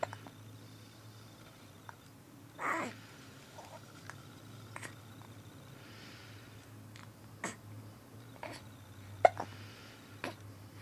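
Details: A person who always has the hiccups: brief sharp hiccup clicks recur at irregular intervals over a steady low room hum.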